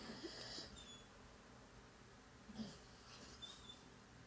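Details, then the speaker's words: A sleeping female dog, possibly dreaming, makes quiet, breathy snorts with a faint whistling edge: soft snoring. "I didn't want to scold him while you hear that snoring that's the dog she's snoring"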